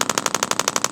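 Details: Radial shockwave therapy handpiece (Intelect RPW 2) pulsing rapidly at about eleven per second over an active trigger point near a tight tendon; patient rates the most sensitive spot about 6, uncomfortable but not unbearable; magnet-driven clacks inside device.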